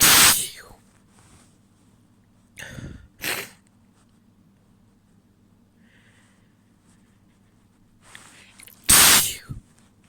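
Several sneezes with short sharp bursts, some wet and explosive, a couple held back and muffled, with breaths in between.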